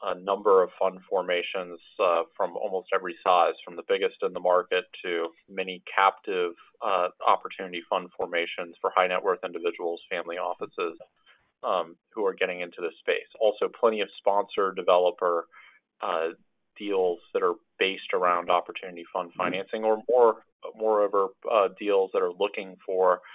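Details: Adult male speaker, telephone-quality audio; normal speech.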